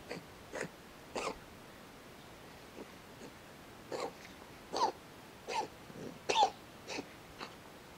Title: Cat sneezes - Funny Cats Animals Video